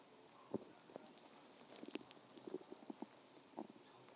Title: stomach growling 3